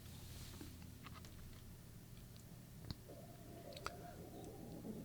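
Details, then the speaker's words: Adult man's empty stomach gives a faint, drawn-out gurgling growl over low room hum during a live lesson; hunger rumble, borborygmi. "Can you hear my stomach? Did you hear my stomach then? My stomach was just rumbling, complaining."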